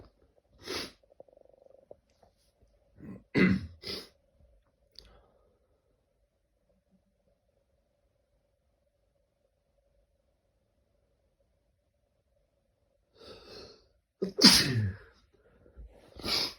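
Several short explosive bursts in a quiet room, each with a sharp intake before, fitting a run of sneezes.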